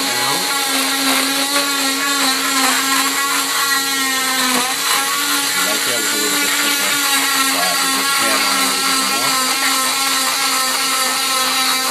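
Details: Steady loud whining motor hum with faint talk: oscillating cast saw cutting a full-leg plaster cast removed after 6 weeks following patellar tendon reattachment surgery.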